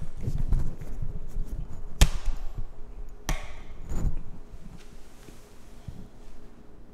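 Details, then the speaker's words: Male puppy with hiccups, which his owner says he gets pretty often: a few sharp, irregular hiccup clicks over low rumbling room noise. "I don't know if it's a puppy thing, but he gets the hiccups pretty often."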